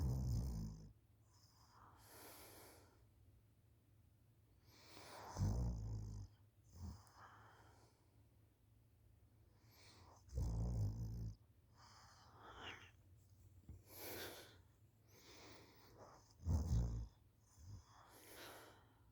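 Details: A schoolchild asleep on the couch after school, recorded by a parent: deep, low rumbling snores about every five seconds, roughly 11 breaths a minute, with quiet breathing between; snoring.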